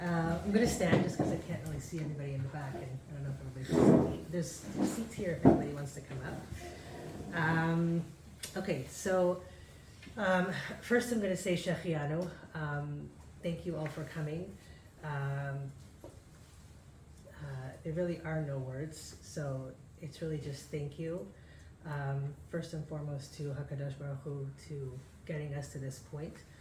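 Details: Adult man speaking; normal speech.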